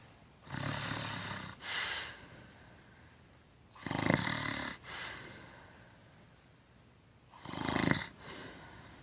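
Loud rattling snores on breathing in, each followed by a softer breath out, about 17 breaths a minute.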